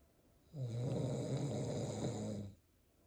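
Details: Father's snoring, with the mother 36 weeks pregnant with twins, who move vigorously in response: a single long, low, rattling snore of about two seconds in a quiet room.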